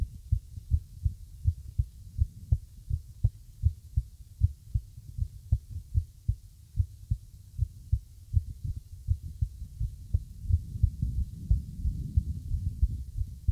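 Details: Low thudding heartbeats with uneven spacing over a noisy hiss; an irregular heart rhythm.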